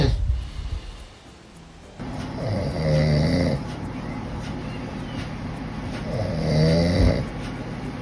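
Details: Father snoring while his baby watches and reacts: two long, low rattling snores about four seconds apart over room noise; adult snoring.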